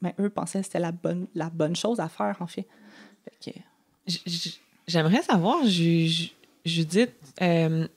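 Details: Adult French-speaking woman who has stuttered since age 6 and had about four or five speech therapy courses in primary school, secondary school and university; stuttering.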